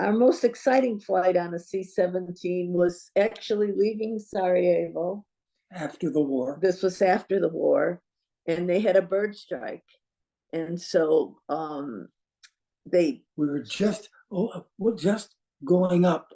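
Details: Adult woman speaking; normal speech.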